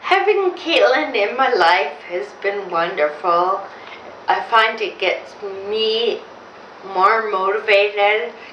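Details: Woman with Friedreich's ataxia, diagnosed in 1999 at about age 30–31; speech became difficult in her late 20s, with balance problems; brother also affected. Finding: ataxic dysarthria.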